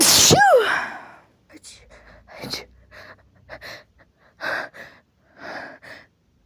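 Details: Female sneeze after 'achoo' build-ups and a stuck sneeze: a single loud, explosive sneeze with a rising voiced onset, followed by soft breathing and quiet murmured sounds.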